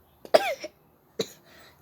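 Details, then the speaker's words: A child gives two sharp reflex coughs after drinking water that went down the throat too fast. "You know how like you drink water and you like do that, and then the water just goes down your throat so fast. I hate when that does that. It makes me cough."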